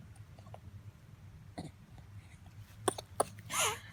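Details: Two quick, sharp sneezes from a 1-month-old baby, followed by a brief breathy sound, over a low room hum: infant sneezes.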